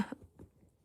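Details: Dog faking a cough, said to be jealous of another dog being petted: a single short, harsh cough-like burst, followed by quiet. A feigned, attention-seeking cough.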